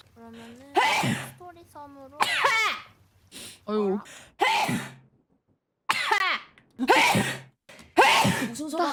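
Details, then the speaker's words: Loud, startling sneeze from a VTuber. "어유 깜짝이야. 어이구. 아주 우렁차구만."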